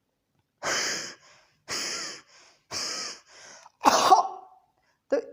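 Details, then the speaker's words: Imitated cough said to occur mostly in elderly people, not children: three harsh, noisy, labored breaths like an asthmatic attack on breathing out, then a single wet, rattling cough bringing up phlegm: wheeze then productive cough. "और इस प्रकार की खांसी में पहले सांस की आवाज़ ज़्यादा आएगी, सांस छोड़ने में ऐसे लगेगा कि जैसे एस्थमेटिक अटैक्स टाइप का आएगा। उसके बाद में बलगम वो निकालेगा पेशेंट।"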